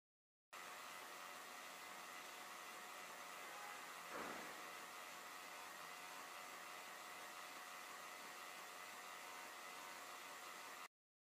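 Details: PHANPY E_Rosy double electric breast pump running in a decibel meter test: steady quiet motor hum with a faint high tone and one brief swell.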